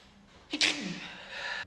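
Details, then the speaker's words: One strange, sharp sneeze from a woman: a brief catch, then a hissing, high-pitched burst that trails into a breathy, squeaky tail. "What the hell kind of sneeze was that? Her eyes are going to pop out."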